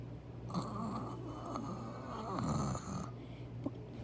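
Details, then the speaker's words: Deliberate beatbox imitation of snoring: a buzzing, rattling snore-like sound, described as like snoring then choking and made with the tongue placed for it; simulated, not real sleep snoring. "So it's like snoring, but it's going to be a different thing. So you do. If you know how to snore, and then like choking."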